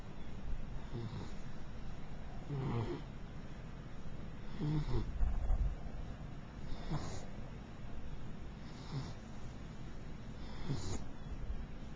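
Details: Mixed-breed beagle snoring while asleep: soft, rhythmic snoring breaths at about 15 a minute, each with a low rattle on the breath.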